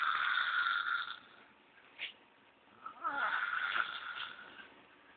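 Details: 7-year-old boy sleeping soundly and snoring very loudly: harsh, rattling snoring breaths separated by quiet pauses.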